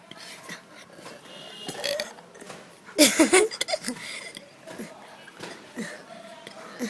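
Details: A loud, gurgling burp breaks through quiet background chatter, followed by a few smaller throaty sounds; burping again.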